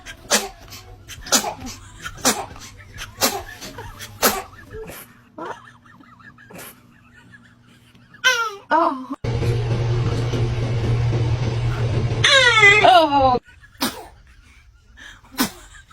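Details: Babies sneezing: several short, sharp infant sneezes interspersed with baby squeals, laughter and background music.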